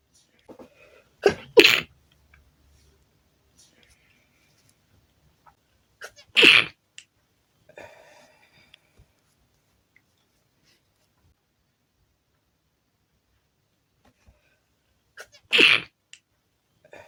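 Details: Sneezing attack induced with chhinkni (sneezing) powder: three sharp sneezes, including a double sneeze near the start, some loud and some stifled, in a quiet room.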